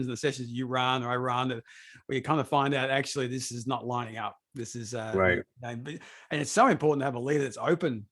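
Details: Adult male speaker; typical speech.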